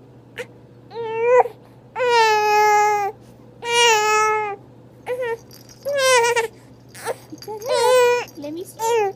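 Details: Repeated fussy crying bouts, each about a second long with short pauses, in a quiet room, from a three-month-old infant who dislikes tummy time: infant cry.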